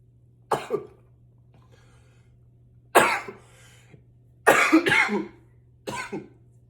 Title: 7 - intense coughs